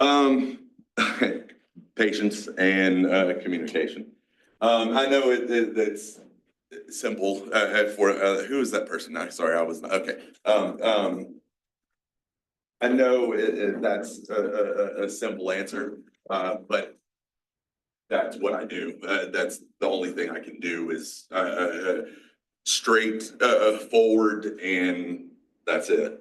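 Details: 47-year-old man with aphasia, a mix of Broca's and Wernicke's, after a massive stroke 6 years ago, with strokes and seizures; he relearned to talk and still has word-finding blocks.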